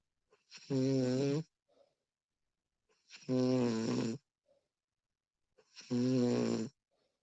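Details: Three loud, buzzing inhaled snores, each about a second long, with quiet exhales between, about eight breaths a minute; recorded snoring of a woman.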